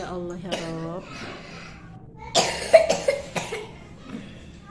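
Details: Sudden coughing fit in a young preschool girl in a classroom, taken to the school sick room for medicine; a brief run of about four quick, harsh coughs after a short stretch of talk.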